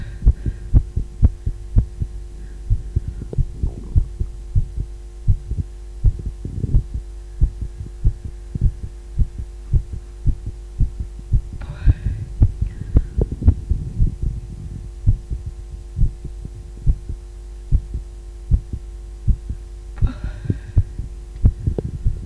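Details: An adult female's heartbeat: steady, regular thumps over a constant low electrical hum.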